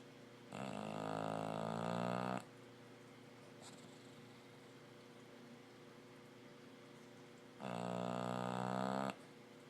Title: Snoring Bulldog